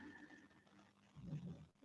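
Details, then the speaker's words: A small pet dog snoring under a messy desk, making funny noises, heard faintly in the background during a seated shoulder and neck stretching session with inhale-exhale breathing cues. "i don't know whether you can hear my little doggy snoring but just in case you can hear some really funny noises that's him down there"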